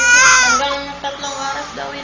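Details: A baby's loud, high-pitched cry trailing into softer fussing whimpers; the baby had a wet diaper.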